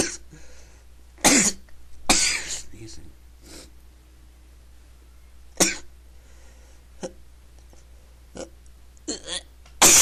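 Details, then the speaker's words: Person unable to stop sneezing after feeling the urge: several sharp, hissing sneeze bursts in a row, with quieter breaths between them. "feel like I have to sneeze. Here comes. Sneeze again. I can't stop"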